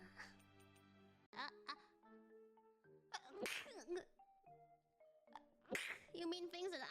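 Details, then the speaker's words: Female streamer's sneezes: two loud, sudden bursts with a sharp intake and explosive release over soft background music, followed by her saying she has sneezed and feels better. "Hello. I have sneezed. I feel better. Gesundheit?"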